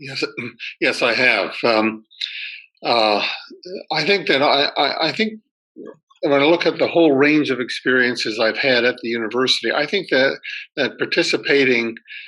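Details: Retired male academic who stutters, spoke only with great difficulty when young, and now has reasonably good control most of the time; part-word and word repetitions; stuttering.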